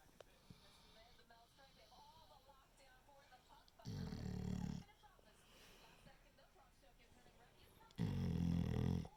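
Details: Two loud, rough, low snoring breaths about four seconds apart, with quiet breathing between them, from a sleeping puppy; snoring.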